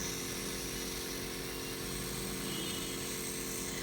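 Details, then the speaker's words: Home compressor nebulizer treating a baby's cold and cough, with the mist held at a distance rather than a mask while she plays calmly: a steady mechanical buzzing hum of normal operation. "बस ऐसे जो है ऐसे बस पहनाइए मत, ऐसे दूर से जो है आप बेबी को आराम से नेबुलाइज कर सकते हैं।"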